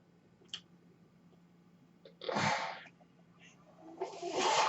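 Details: A man's own ventilator heard while he records a podcast: two loud airy whooshes about two seconds apart over a quiet hum and soft clicks as the home mechanical ventilator cycles breaths.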